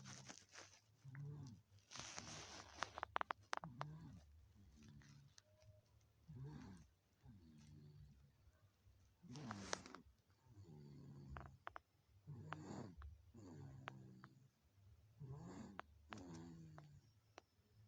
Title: bayi ngorok